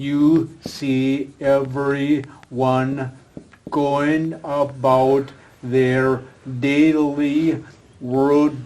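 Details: Adult man with aphasia following a stroke, a former professional attending an aphasia conversation group for support and communication practice; real patient speech showing aphasia.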